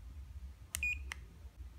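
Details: Two sharp electronic beeps with a brief steady tone between them: button-press signals while choosing modes (blood circulation, nose) on a wristwatch-style 12-point semiconductor laser therapy device in a quiet room.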